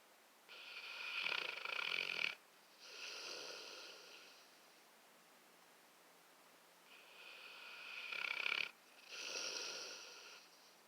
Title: Bruh snores